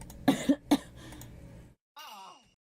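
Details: Girl coughing during a live game stream, with talk nearby mentioning colds: three short coughs followed by a brief voiced sigh in a quiet room.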